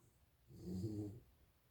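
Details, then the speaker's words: Snoring is heard in the background while an adult talks. "You can hear snoring in the background."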